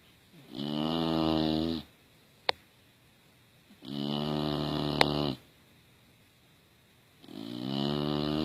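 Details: Female English Bulldog cozy in a blanket, with loud, rattling snores on each breath in (about three in eight seconds) and quiet pauses between. Snoring.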